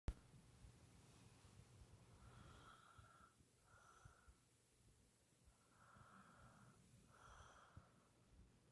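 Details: Soft, whistling nasal breaths recurring every few seconds in a quiet room; light snoring.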